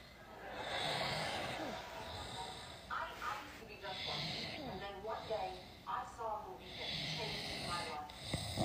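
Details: An adult man asleep, snoring loudly with an open mouth: snorts and harsh breaths with faint background noise.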